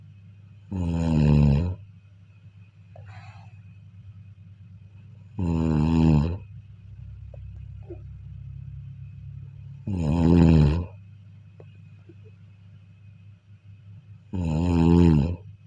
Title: sleep listening to snoring/النوم والاستماع إلى صوت الشخير ، والنوم جيدا ، والاستماع إلى صديق للنوم.